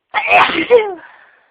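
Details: Woman in a sneezing fit: a single loud, high-pitched sneeze with a sharp burst and squeaky trailing voice; an ordinary sneeze.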